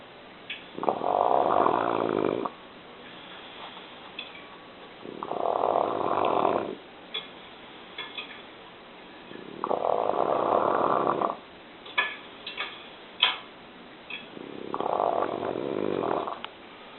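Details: Dog snoring: four long rumbling snores, roughly one every four seconds, with faint clicks and rustles between; steady snoring.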